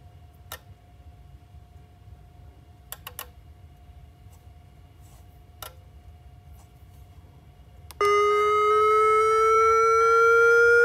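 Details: A nurse in Australia testing a defibrillator: scattered clicks in a quiet room, then a loud, steady, slightly rising tone as the defibrillator runs its self-test.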